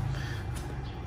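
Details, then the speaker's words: New Pulmosonic Star ultrasonic nebulizer filled with water for testing, switched on and producing mist: steady low motor hum, no rattles or speed changes, its replaced micro cooling fan spinning normally. "Então agora sim, aparelho ligado produzindo névoa, né? Cooler girando normal."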